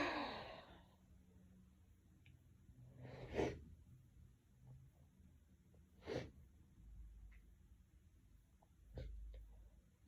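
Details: Hitchy sneezing with build-ups: three sharp sneeze bursts about three seconds apart, with faint catching breaths between them, in a quiet room.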